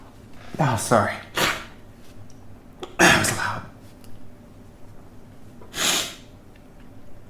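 Three loud explosive sneezes, each with a sharp intake and forceful burst; ordinary sneezing in a quiet room.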